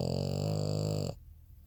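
A single rough, low, buzzing breath noise about a second long, then quiet; a snore from a flat-faced dog.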